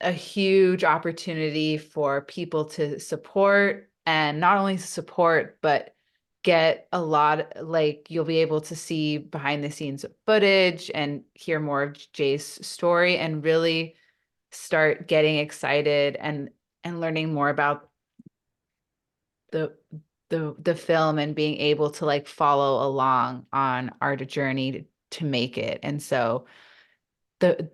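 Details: Adult woman who stutters, in a real English-language podcast interview: stuttering.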